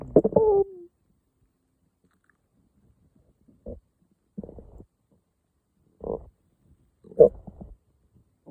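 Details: Morning stomach growling: several short gurgling, squeaky rumbles separated by quiet gaps.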